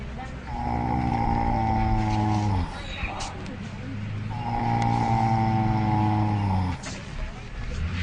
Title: So Many Animals, So Many Different Snores